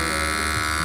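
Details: Steady electric buzzing motor hum of a battery-powered Lollababy nasal aspirator being shown to children aged three to five.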